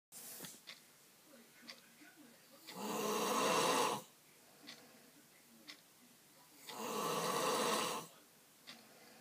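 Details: Loud, harsh, rasping snores on each in-breath, about 15 breaths a minute, with quiet out-breaths between them. An adult man snores constantly and heavily all night.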